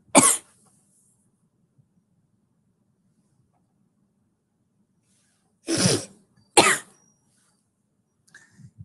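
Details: Three separate harsh cough bursts, one then a pair, in a quiet room from a person livestreaming while sick, who thinks it is the flu; coughing.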